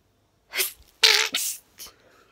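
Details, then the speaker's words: A sharp, partly stifled sneeze with a brief in-breath and a smaller follow-up burst, while trying to stifle it after feeding cats. "how do i stifle my sneezes so"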